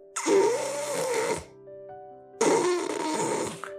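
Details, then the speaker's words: Severe snoring of the "ssang-giyeok" (ㄲ) type, worse than the ㄱ type: two loud, harsh, rattling snore bursts as the tongue is pushed further back toward the airway. "근데 여기서 좀 더 심해지면 쌍 기역이 쌍기역 쌍 기역은 혀가 더 뒤로 확 밀려가는 상태입니다"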